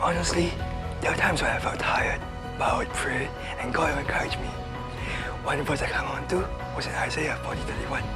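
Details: Young man (university undergraduate) with cerebral palsy from birth affecting muscle coordination; needed a ventilator at birth, vocal cords damaged, voice much softer than normal; soft, breathy speech with imprecise articulation (cerebral palsy).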